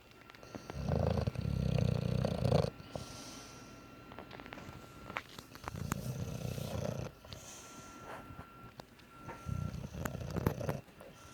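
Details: English bulldog snoring while sleeping with its eyes open: three deep, rough, fluttering snores spaced a few seconds apart over a steady background hum.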